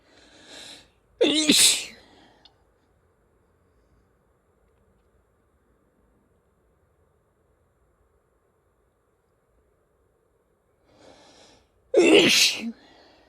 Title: Lots of sneezes with nose blowing towards the end